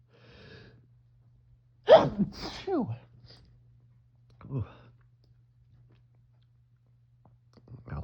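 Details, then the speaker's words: Adult with fall seasonal allergies, possibly ragweed or leaf mold, recorded just after waking with an itchy nose: a quiet in-breath, then a sharp sneeze, a second burst and a softer sneeze; allergic sneezing. "I wasn't uh having any allergy flare ups and then I'm going to sneeze. Got to sneeze."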